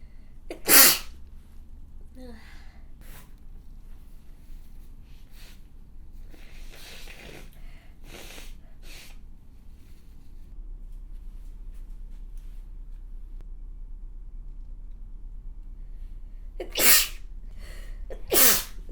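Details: Adult woman gives three forceful, wet-sounding sneezes, separated by quiet room noise and soft breaths.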